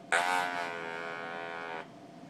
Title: TruTone Electrolarynx